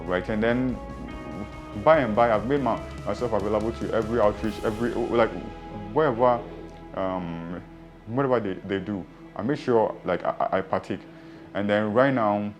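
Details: Adult who stammers and has had speech therapy sessions, which boosted confidence to speak through the stammer; real speech; stammering.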